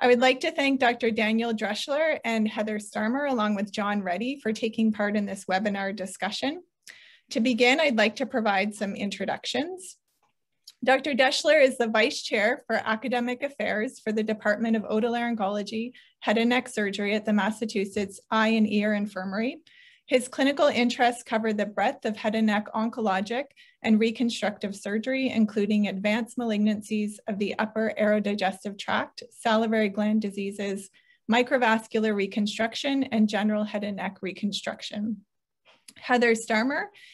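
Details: Adult woman; normal speech.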